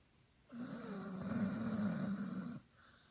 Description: ann bao the chinese sharpei snore